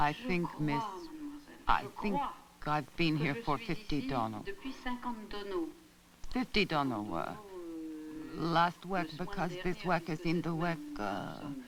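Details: Wernicke's aphasia in a 57-year-old hospitalized woman, from a lesion destroying the posterior first temporal convolution of the left hemisphere; phonemic and verbal deviations and neologisms, with seriously impaired oral comprehension but deviant production still possible.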